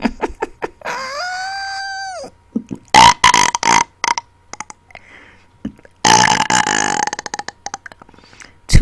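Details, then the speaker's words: Deliberate burp-talking after dinner, trying to burp words such as "hey" and "hater": long, loud belches, some shaped into words, with short pauses; voluntary burping on command. "I learned how to burp talk a new word let me try hey"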